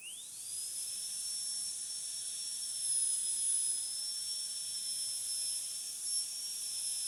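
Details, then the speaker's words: Steady high-pitched whine of a high-speed dental drill spinning up, flat tapered burr cutting axial depth grooves on tooth 46 for 1.2–1.5 mm buccal/lingual reduction during metal-ceramic posterior crown preparation demonstration. "So we need about 1.2 to 1.5 mm reduction in the axial surface of the tooth, buccally and lingually. I am going to use a flattened tapered burr for this preparation."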